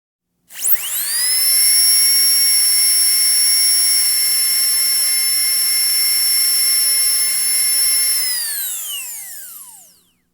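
High, steady whine that spins up, holds for several seconds, then winds down: a dentist's high-speed drill.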